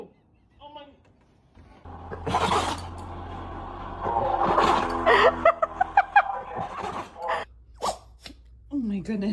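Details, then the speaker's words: A dog's sharp, big sneeze bursts among people talking and laughing, with music in the background. "what a big sneeze. Poor little buddy."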